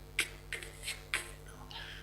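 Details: Imitated stuttering block on the initial plosive /k/, with difficulty joining the onset phoneme to the rest of the word, demonstrated during teaching of a stuttering block-modification technique; stuttering block on initial plosive (imitated).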